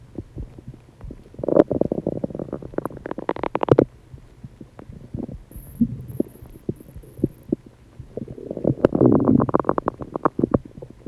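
Loud gurgling, rumbling stomach noises coming in waves with bubbly pops; ordinary digestive sounds (borborygmi).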